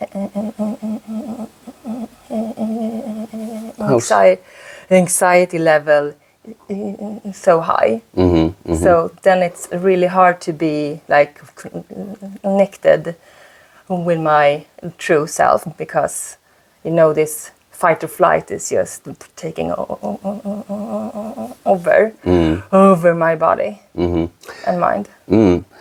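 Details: Stuttering in a 36-year-old woman whose stutter shows more under stress; she uses a speaking technique; repetitions are audible.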